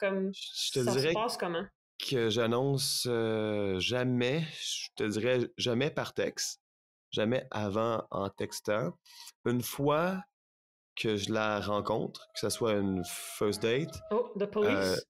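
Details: Stuttering in a retired man in his sixties who stutters.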